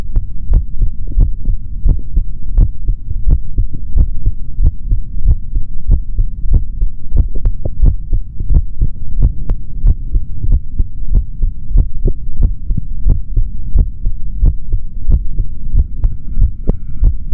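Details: Male body sounds recorded through a stethoscope for ASMR, no talking: continuous low thumping heartbeat over a steady hum; normal heart sounds.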